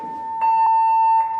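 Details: CardioAid-1 AED in an instructional demonstration sounds a steady, high electronic alert tone after advising a shock and prompting not to touch the patient and to press the flashing button.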